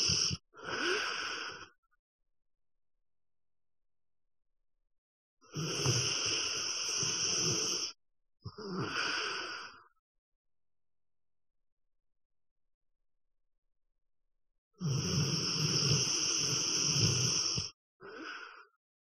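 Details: Snoring: loud, rough snores with long silent pauses between them, about four breaths in nineteen seconds.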